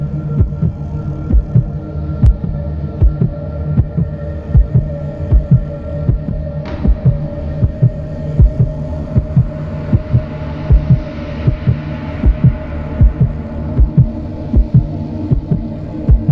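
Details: A steady, regular low thumping heartbeat over a constant low hum; a sound-effect imitation of a normal heartbeat.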